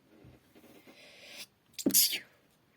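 Soft breathy intake, then a sudden sharp hissing burst: a single sneeze.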